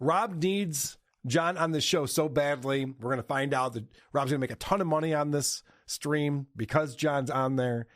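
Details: Adult man; ordinary speech.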